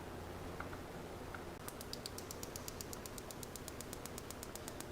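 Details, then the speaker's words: PiezoWave 2T vet shockwave on a horse's front leg for high suspensory syndrome, standing, 40mm offset probe with ultrasound gel: rapid regular sharp clicks, eight per second, at level 10. "I'm starting off at level 10 for safety purposes. We're at eight clicks per second."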